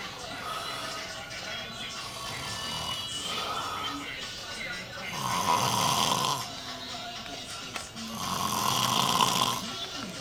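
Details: Loud, rough, rattling snores recurring every few seconds during sleep, with talk and music in the background; heavy snoring.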